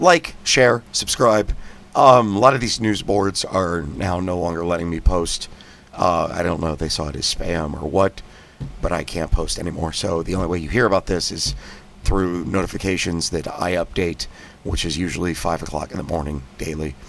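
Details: Spasmodic dysphonia in an adult with a recurrent vocal fold polyp.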